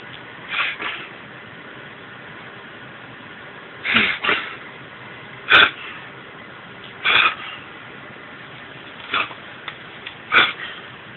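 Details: Possible reverse sneezing (owner unsure): repeated short, sharp snorting bursts, often in pairs, with steady background hum.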